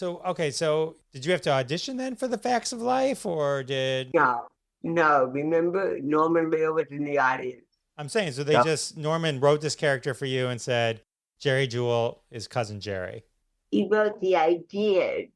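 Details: Adult man speaking; typical speech.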